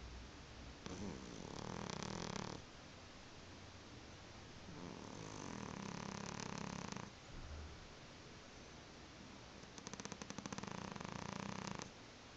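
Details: Sleeping cat snoring: three long rattling snores about every four seconds, about 15 a minute, over steady background hiss.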